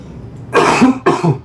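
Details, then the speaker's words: Two harsh, loud, slightly congested cough bursts from an adult with a cold caught at a convention, still congested; cough. "i caught the con crud so i kind of still have some congestion if i cough i'll try not to cough into the mic and i have to cough right now so one second okay"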